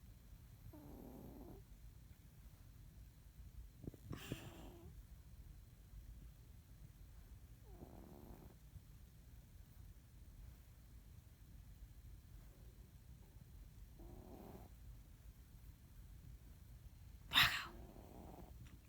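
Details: Cat snoring in his sleep: soft, faint snores repeating about every three to four seconds over steady background hiss, one sharp click near the end; snoring.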